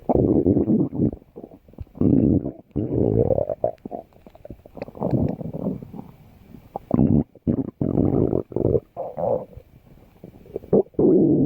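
Loud, low gurgling and rumbling runs of bowel sounds, typical ordinary stomach growling.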